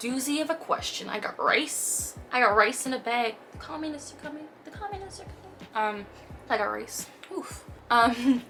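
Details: 23-year-old woman diagnosed with mild Tourette syndrome at age 12, on pimozide, with more motor than vocal tics, producing vocal tics mid-answer; one tic has lasted about a year; vocal tics (Tourette syndrome).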